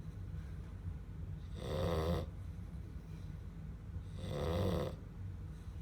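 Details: Sleeping Black Labrador puppy: two slow, rasping breath sounds about two and a half seconds apart: snoring.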